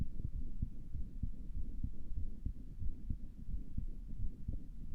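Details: Person listening to their own heart with a stethoscope, who thought it sounded weird and asks if it is a murmur: muffled, regular heartbeat thumps with a steady low hum; no clear murmur stands out.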